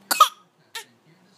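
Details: Young child makes two short, deliberate cough bursts on purpose, a fake cough: voluntary cough.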